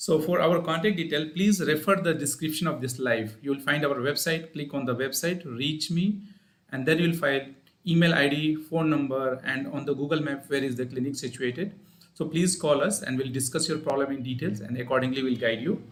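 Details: Adult man speaking; normal adult speech.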